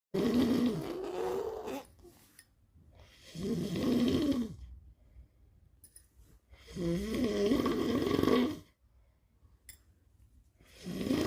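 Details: Snoring imitation: a child copying his father's snoring, with slow, rough, rattling breaths about every three to four seconds and quiet pauses between.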